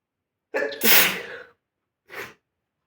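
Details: Sneezing: a sharp sneeze with a quick breath in and a loud burst out, then a second, softer sneeze a moment later.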